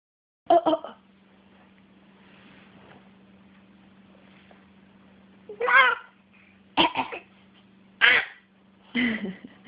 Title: communicating... (coughing) 5/9/12